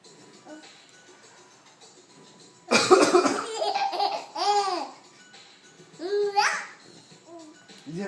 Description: 5 month old Jack loves his dad coughing.